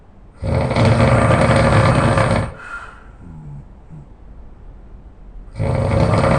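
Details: Very loud snoring in a sleeping person: long, rumbling snores on breathing in, separated by a quieter breath out of about three seconds.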